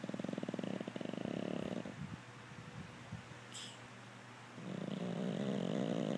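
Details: Chloe, a Pug, passed out asleep, makes two spells of low, fluttering, rattly snoring separated by a quieter pause.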